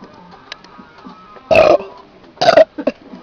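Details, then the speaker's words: Kid burping after a beef stroganoff dinner and a soda that causes heavy burping, bringing up some food: two loud, rough belches a second apart, then a smaller one, over quiet music. "Oh, I burped up some stuff. What's that beef stroking off? Oh my god, that was nasty."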